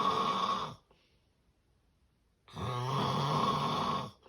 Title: The sound of severe sleep apnea snoring